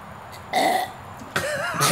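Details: Two loud, throaty burps in a burp contest on a Sunday afternoon, the second longer and rolling, over faint room noise; belching.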